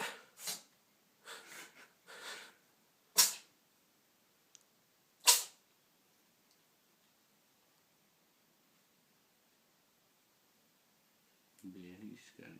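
A run of short, sharp sneezes from a small animal, about six bursts in quick succession, then quiet.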